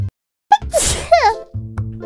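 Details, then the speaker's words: Sneezing during a livestream, as she says she is sneezing so much today: a high-pitched voice, then a sharp, noisy sneeze burst, then more voicing over background music. "oh my God I'm sneezing so much today"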